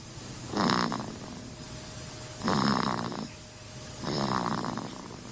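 Three rough, rattling snores about every 1.7 seconds, roughly 32 breaths a minute; snoring in a sleeping infant.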